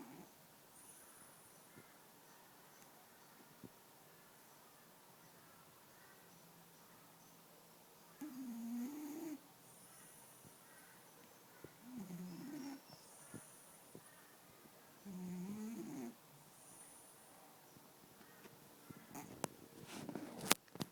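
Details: Black-and-white cat sleeping beside its owner, snoring softly and faintly every few seconds over quiet room noise; snoring.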